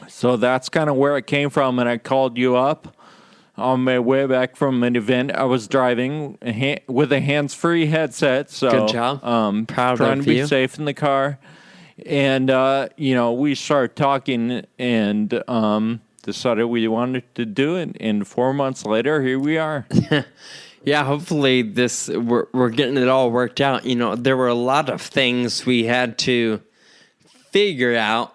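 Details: Ataxic dysarthria in a male podcast host with Friedreich's ataxia, who says slurred speech is a symptom of his condition, along with loss of balance and of muscle control in his legs and arms.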